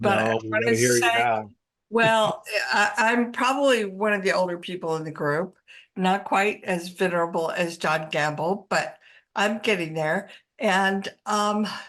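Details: Adult speaker; ordinary speech.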